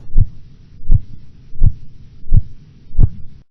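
Five clear, regular low tapping sounds at about 85 a minute over a soft background hiss: phase 1 Korotkoff sounds, marking systolic pressure.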